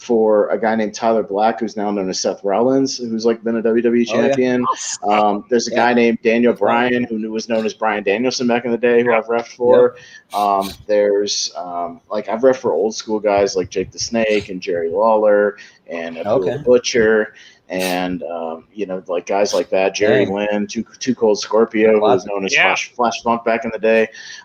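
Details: Adult male speaker; typical speech.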